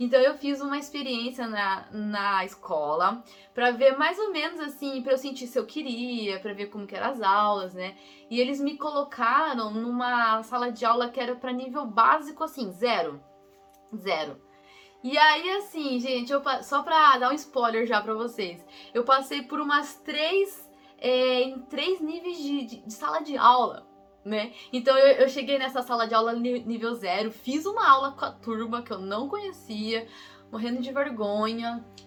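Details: Young woman, real person who stutters, Portuguese speaker recalling an exchange trip she took at age 16; stuttering.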